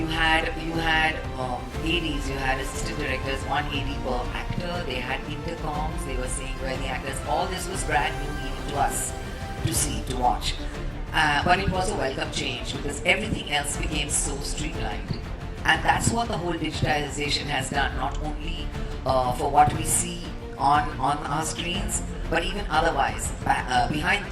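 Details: Adult male speaker; normal voice.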